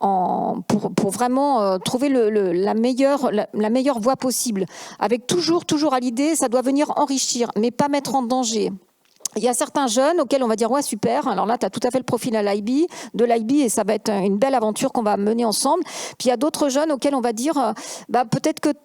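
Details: Adult woman speaking French; Normal voice.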